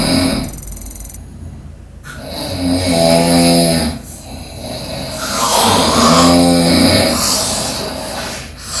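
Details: Snoring in an adult asleep on an office couch after drinking alcohol and eating snacks, recorded with a mic: loud rattling snores on the in-breath, about 18 a minute, over room noise and background chatter.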